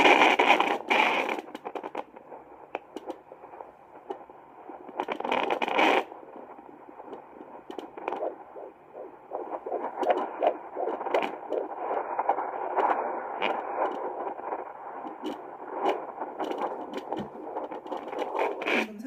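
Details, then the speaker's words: Fetal heartbeat on a HIBEBE home Doppler: fast whooshing "shuk-shuk" pulses at about 150 a minute through static, clearly faster than the mother's own slower thumping heartbeat. "살짝 들리셨나요? 슉슉슉슉 하는 소리가."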